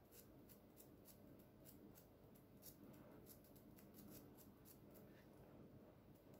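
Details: Rapid sharp ticking clicks over quiet room noise from a home plasma pen (electrocautery plasma jet) applied superficially at random across a woman's whole face for skin renewal.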